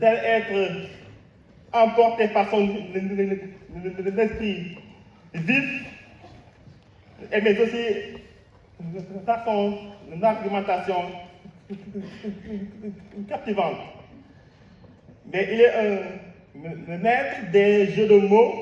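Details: Adult host speaking French to an audience; fluent speech, no speech disorder.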